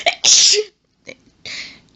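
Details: Woman reading aloud triggers a sneezing fit of two forceful sneezes, the first after a brief catch, then a short hitch and a third softer sneeze. She says the sneezes grew intense and violent.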